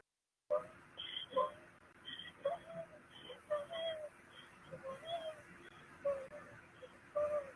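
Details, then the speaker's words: Child struggling to breathe, with repeated high whistling, whimper-like wheezes on every exhalation, worsening over time; expiratory wheeze. "listen to this poor patient it gets worse and that's expiratory every time she's exhaling"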